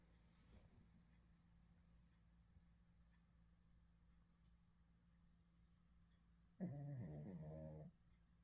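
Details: Dog snoring, initially mistaken for a person snoring: a single harsh, rattling snore over quiet room hum; snoring.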